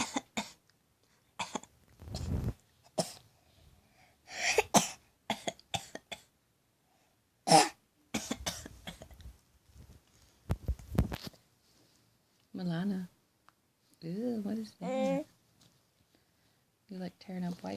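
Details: Young child asked to do her fake cough: a string of short, deliberate voluntary coughs, then some voiced babbling.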